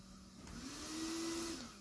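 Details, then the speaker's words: Rising whoosh of airflow with steady machine hum as a Philips Respironics Trilogy ventilator, single-limb circuit, starts delivering ventilation after setup; ventilator airflow. "then when you turn the machine back on again press the button here and it will start the actual ventilation"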